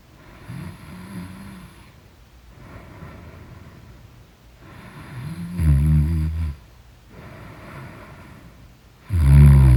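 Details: Loud snoring in deep sleep: low rattling snores with each breath, about 16 a minute, some much louder than others.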